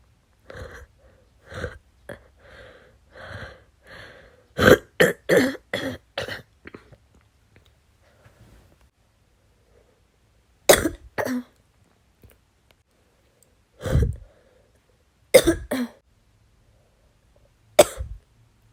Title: bronchitis cough 2 (f)